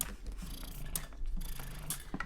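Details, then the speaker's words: Electric breast pump (Spectra S2) running on a portable battery pack in letdown mode at level 5, with suction reported as 250: rhythmic mechanical whirring and hum with soft cycling pulses. "So we have let down mode, level 5, and we're getting 250 pounds per pressure, which is great. So this hack works. You could pump on the go with your Spectra S2."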